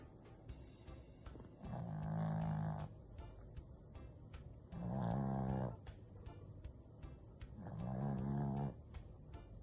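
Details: Snow dog just discharged from hospital, sleeping in the same position nearly 2 minutes: steady, low, rumbling snores, about 20 a minute, regular rhythm, faint background noise; snoring.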